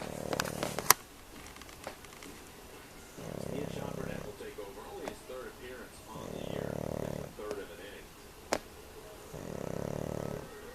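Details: Pug snoring in sleep, caretakers suspect her small nose restricts airflow, snores loud enough to rattle windows: slow rhythmic rattling snores on each breath, about three in ten seconds, with scattered clicks.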